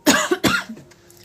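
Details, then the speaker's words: Adult coughing during a livestream, a cough described as lasting a long time. "Oh, Alex, I've had this cough forever."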